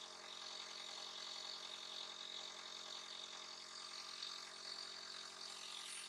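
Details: A nebulizer used by the owner as a breathing aid for a little puppy that coughs and sneezes: a steady mechanical hum with a hiss of air as it delivers mist.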